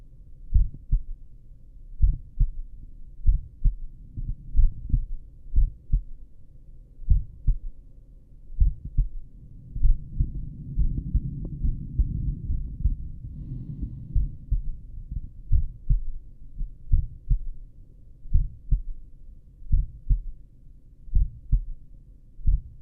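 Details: Own heartbeat recorded with a stethoscope at the apex while lying down; normal heart sounds with clear paired lub-dub at a slow rate of about 50 beats a minute.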